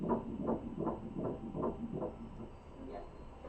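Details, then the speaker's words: Fetal heart rate of 155 beats per minute on ultrasound, performed by a registered ultrasound tech and called perfect; fast, regular whooshing pulses; normal fetal heartbeat. "Crazy. It's 155 beats per minute, which is perfect."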